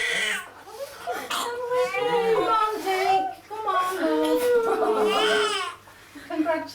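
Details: Strong, high-pitched wavering cry of a newborn boy just after birth by emergency ventouse delivery to a 17-year-old mother after nearly 12 hours of labour, with adult voices and room noise; newborn cry.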